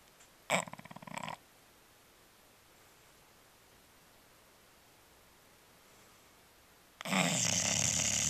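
Loud, rattling, fluttering snores from a sleeping bulldog, separated by a long quiet pause. Typical snoring of a flat-faced dog.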